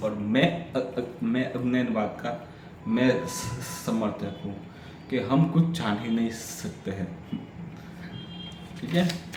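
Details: Adult man with a stammer doing story-telling practice in Hindi on day 6 of a daily stammering practice routine; repetitions and revisions are heard; stuttering.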